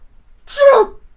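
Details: One short acted sneeze from an Italian girl: a sharp hissing burst followed by a brief voiced release.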